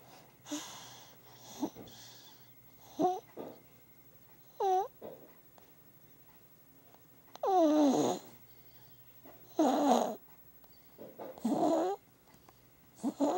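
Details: Sleeping baby snoring: irregular short, squeaky, whistling noises with breaths, several bursts over thirteen seconds; noisy snoring breathing.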